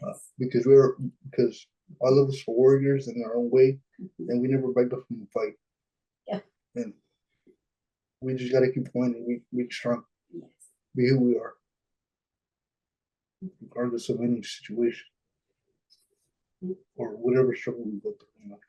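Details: Dysarthria in a 26-year-old man with cerebral palsy, born at a pound and a half; his mother says the condition limits his expression and he edits videos to sound fluent; speech shows repetitions and hesitations.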